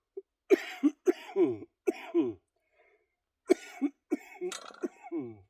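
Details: Productive cough from an adult with cystic fibrosis and lung function of 46%, during a back and biceps weight workout, winded and panting for air.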